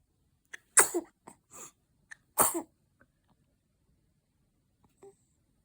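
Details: Two small, sharp sneezes with soft breaths between them from a 22-day-old newborn baby; normal newborn sneezing.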